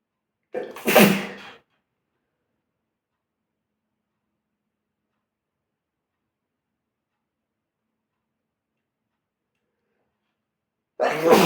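A single sharp sneeze with a short in-breath before it, then silence; another burst begins at the very end.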